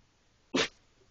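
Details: A single short, sharp burst of air through the nose: sneeze.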